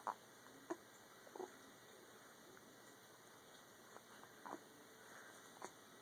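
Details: Person with hiccups: brief soft hiccup-like clicks, about six in six seconds, spaced irregularly over quiet room noise.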